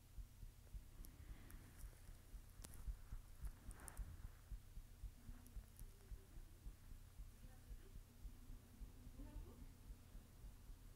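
Steady, muffled low thumps of a heartbeat with a low hum in the background; an ordinary, normal heartbeat.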